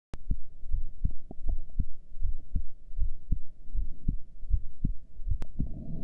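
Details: Low thumping normal heart sounds at roughly 80 beats per minute, with a couple of sharp handling clicks, recorded while the breath is held.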